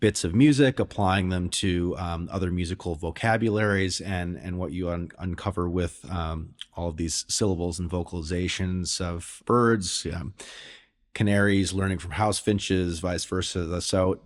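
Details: Adult male speaker; ordinary speech.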